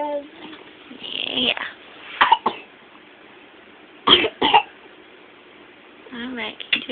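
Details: Young child coughing on request, whooping cough suspected: about four short, dry coughs in two pairs, with no inspiratory whoop heard.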